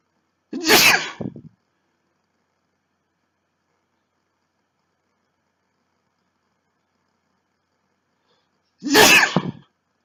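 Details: First-time sneezing, marked (m): two sharp, explosive sneezes about eight seconds apart with silence between.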